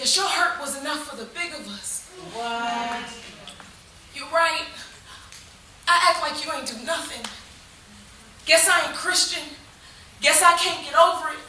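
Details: Adult woman speaking; normal speech.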